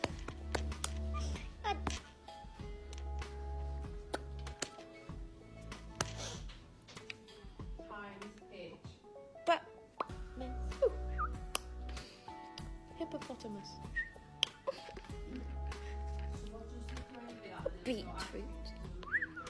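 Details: Vocal tic in a young British woman with a tic disorder; the case is discussed as possibly functional tics rather than Tourette's.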